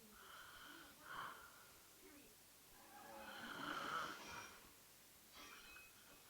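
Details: A female snoring during a Sunday nap: soft, uneven breathing noises with a whistling, rattling quality.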